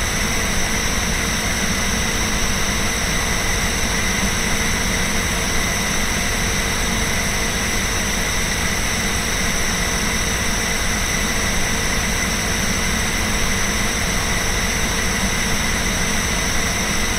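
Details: Incoterm NB090 compressor nebulizer inhaler running beside a portable desk fan: steady continuous mechanical hum with constant hiss, unchanging; nebulizer compressor running mixed with fan noise.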